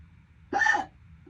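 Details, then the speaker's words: Persistent, painful hiccups about 11 minutes into a bout lasting roughly 12 minutes: a single abrupt voiced hiccup, a short sharp catch of breath with a brief vocal sound. "We're heading into 11 minutes. Dad getting to me now. Guys, they're actually painful, too."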